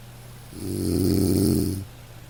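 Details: A dog gives a single low, rattling snore of about a second, rising and fading, over a soft steady hiss of light rain; ordinary dog snoring.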